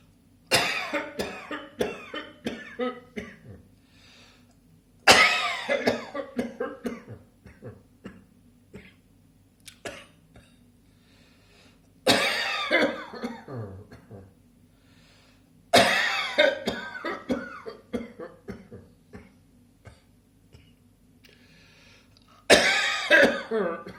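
Five bouts of repeated, forceful coughing from an adult, separated by short quiet pauses.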